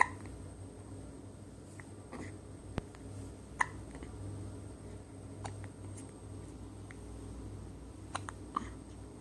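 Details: Hiccups: brief, sharp hiccup sounds recurring irregularly, several over about nine seconds, in a quiet room with a faint steady hum.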